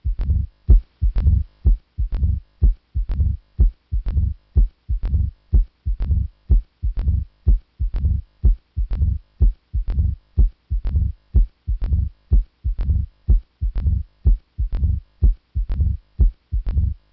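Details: Mitral stenosis murmur (diastolic rumble).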